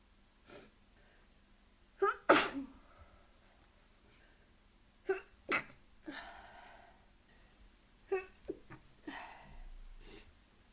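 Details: Several sharp, explosive sneezes in quick bursts, some paired, with breathy intakes between, in a quiet room; deliberately induced sneezing.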